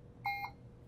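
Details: Single short, clear electronic double beep confirming a keypad press on a Puritan Bennett 560 ventilator in assist control volume mode, while the high respiratory rate alarm setting is being adjusted.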